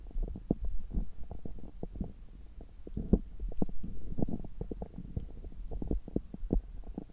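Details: Abdomen heard through a stethoscope about three hours after a meal, around abdominal massage: frequent low gurgles and clicks; ordinary active bowel sounds.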